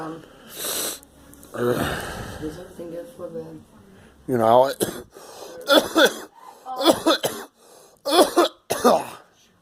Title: I am coughing